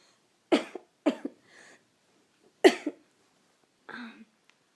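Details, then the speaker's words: Three sharp, acted coughs from an adult, with a brief breath and soft throaty sound between; staged comedic cough. "mais dis donc mon amour oui tu tousses oui oh j'en suis vraiment désolé pour toi"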